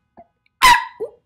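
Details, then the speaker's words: Woman with severe Tourette's releasing a vocal tic on camera: a sudden, loud, high-pitched squealing vocalization that bursts out briefly, then trails off. "I still have a severe case of Tourette's it's just different in how the world sees it but not how and I feel it okay it doesn't usually scare me but I am not used to doing it on the camera okay should I let it out for a second"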